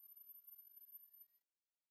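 A pure tone steadily rising in pitch over about one and a half seconds, a sweep of the kind used in informal hearing checks.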